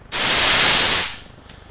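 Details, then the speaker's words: Loud one-second burst of rushing gas hiss that cuts off sharply as a portable E-size oxygen cylinder valve is cracked open with a wrench before attaching the regulator; oxygen cylinder valve cracking. "you're going to say crack in the tank that'll warns that warns anybody in the room there's gonna be loud noise we're gonna do it cracking the tank"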